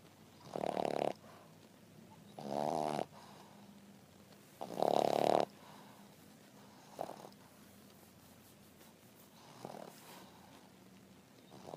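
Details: French Bulldog resting after breakfast, snoring: loud rattling snores on inspiration a few seconds apart, with fainter snorts between, typical of a flat-faced dog.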